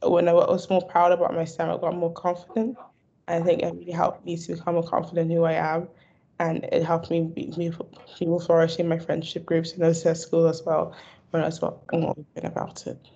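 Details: Adult university student who stammers; stammering.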